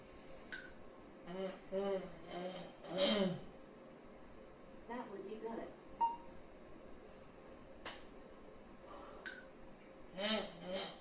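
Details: Woman with bulbar ALS, a brain-computer interface trial participant, speaking a given phrase; vocalizations difficult to discern; dysarthria (bulbar ALS).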